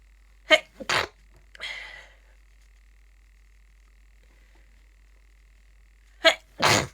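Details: Person sick with a bad cold sneezing: sharp, explosive sneezes in two quick pairs separated by a pause, with a short breathy sound after the first pair.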